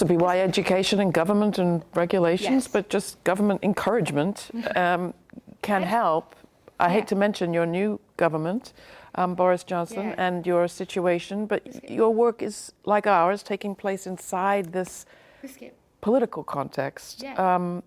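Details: Adult speaker, interview; normal fluent speech.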